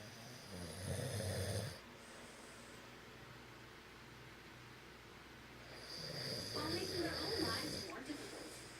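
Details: Man snoring: two loud, rough snoring bursts separated by a quiet pause, the second ending in snorts and gasps as he wakes himself up. Snoring.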